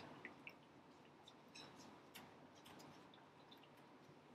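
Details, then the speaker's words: Bubble CPAP system set up with an oxygen blender and tested before connection to the interface and patient, pressure set at 10: quiet, steady bubbling and dripping over background hiss, an audible bubble sound showing the system is working properly. "I will put my pressure at 10 and I will see if it's working or not as we see right now it's working properly there is bubble and you can hear an audible sound is good"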